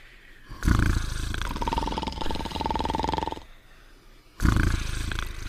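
Loud, rattling growl-like snores with a whistling overtone, two long breaths in about five seconds; cartoon snoring effect.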